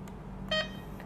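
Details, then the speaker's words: Infusion pump being programmed during an IV infusion demonstration: a single short electronic beep as the select button is pressed to set a total volume of 500. This is a normal device sound. "kita pindahkan ke bawah kalau kita mau mengindahkan tekan Silet"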